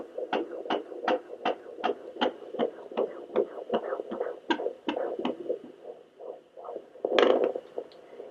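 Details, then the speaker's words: At-home Sonoline B fetal Doppler at 18 weeks 1 day of pregnancy, first use: rapid, regular whooshing pulses at about 150–160 a minute, thought to be the fetal heartbeat. "yeah that was it yeah I think it was that I mean something's beating down there"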